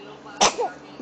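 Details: Sneezes from a baby, followed by "bless you".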